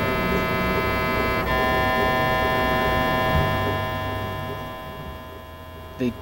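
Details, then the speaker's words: Brain MRI scan, recorded from behind a shield in another room, patient lying in the bore with earplugs and earmuffs: loud steady droning hum with fast mechanical pulsing and a brief knock near the end. "you earplugs and protective earmuffs because the noise this thing makes is intense I didn't really mind it that much it kind of reminded me of hardcore electronic music"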